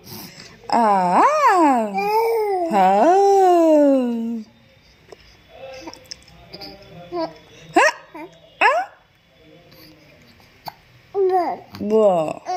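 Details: Baby almost 2 months old: drawn-out rising and falling coos and short vocal squeals between quiet pauses; normal infant cooing.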